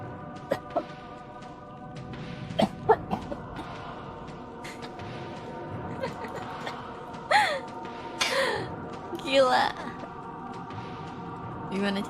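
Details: An adult coughs after a mosquito got into her mouth and throat, causing throat itching: several short, harsh coughing and throat-clearing bursts over steady background music, an irritant cough.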